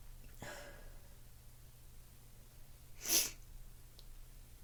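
A sharp intake of breath, then one explosive hissing sneeze after a pause. Ordinary sneeze.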